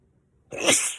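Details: Person with a cold caught on New Year's Eve, recorded the next day during a sneezing fit: a single sudden, forceful sneeze after silence.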